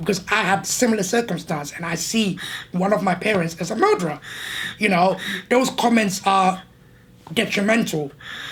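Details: Adult man born six months premature in the 1980s, speaking with a tracheostomy; gasping for air audible while talking; tracheostomy speech.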